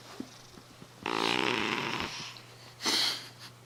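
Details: Cat asleep on the couch snoring: a soft, rattling snore on the breath in, followed by a breathy exhale, against room hum.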